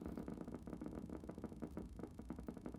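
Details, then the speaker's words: Needle EMG at gain 200 while the patient gently pushes the toes down, with the needle advanced slightly deeper: rapid, crisp popping and buzzing over a low hum, all normal motor unit potentials. "i'll just put it just tiny bit deeper so there's some more motor units again all normal push a little deeper all normal very good"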